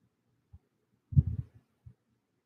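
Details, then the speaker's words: Normal bowel sounds heard with a stethoscope over the right lower quadrant of the abdomen during a nursing-lab head-to-toe assessment: soft, low gurgles and clicks. "I'm just going to go ahead and do a um uh abdominal um assessment on me right now and I'm going to be in your right lower quadrant of your abdomen"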